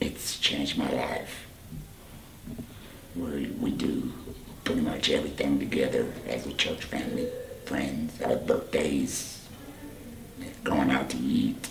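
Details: Tracheoesophageal speech from a 38-year-old man whose voice box was removed (laryngectomy) for cancer about four years earlier; he speaks using a voice prosthesis with an HME.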